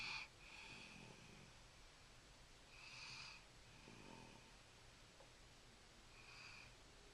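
Soft, slow repeated breathing noises with a faint whistling, snuffly quality on each breath, about every three seconds; quiet snoring.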